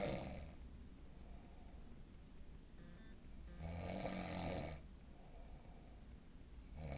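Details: A man sleeping after surgery for a deviated septum, which he suspects did not fix it, breathes quietly and steadily. One loud, harsh, rattling nasal snore comes on the in-breath, followed by a softer breath. Snoring.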